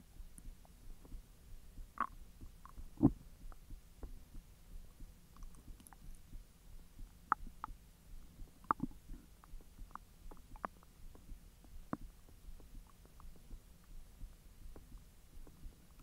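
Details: Stomach empty for 10 hours, then hotdogs eaten and being digested: frequent soft clicks, gurgles and occasional louder pops from the belly; normal active bowel sounds.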